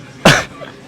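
A single short, sharp voluntary cough from an adult, deliberately produced as a demonstration.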